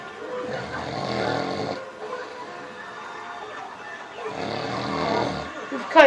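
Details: A snore-off contest: two long, rough, rattling breaths about three seconds apart, with a quiet pause between; snoring.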